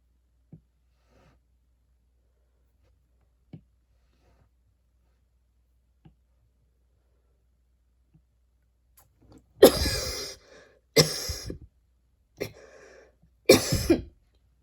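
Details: Coughing while studying, recorded a week earlier and described as a really bad cough: faint clicks, then four harsh coughs in close succession, a short coughing bout.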